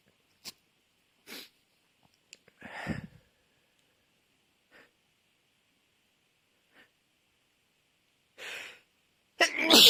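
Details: Sneezing fit: a run of sharp sneezes with quieter catches and sniffs between them, ending in a loud sneeze.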